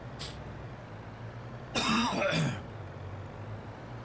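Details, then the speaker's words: Adult with a cold for the past week gives a single harsh throat-clearing cough over a steady low engine hum; cough / throat clearing. "I do apologize if you can hear me cough. I've had a cold for the last week, so I'm trying to get over it."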